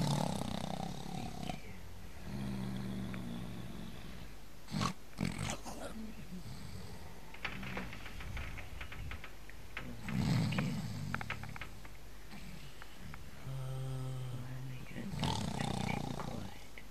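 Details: Very loud snorer with the dog Foopsie trying to sleep on them: deep, loud, rumbling snores every few seconds, with rustling and the dog's small noises in between.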